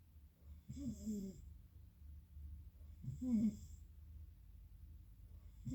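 Two low, rattling snores on breathing in, about three seconds apart, with quiet hum between; snoring during sleep.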